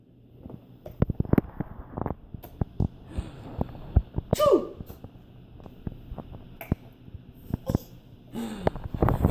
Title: Fake sneezes